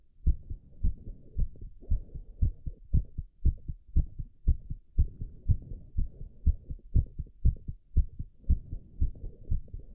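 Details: Fast heartbeat in a male doing squats: rapid, regular heart thumps at about 118 beats a minute from exertion.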